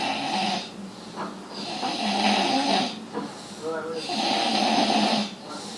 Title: Loud Snore 45